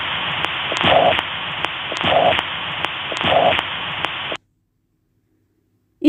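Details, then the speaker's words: Mitral regurgitation: a slow heart rhythm with a high-pitched, blowing pansystolic murmur filling systole. It is best heard at the apex and radiates to the left axilla, with variable intensity. "mital regurgitation, blood flows back from left ventricle into the left atrium during cyine. The murmur of mital regurgitation is best heard at the apex."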